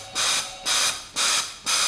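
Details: High-frequency jet ventilation, noninvasive, via a face mask using a Paravent jet ventilator with multi-jet generator (usually no. 10): rapid, regular bursts of hissing gas, about two a second.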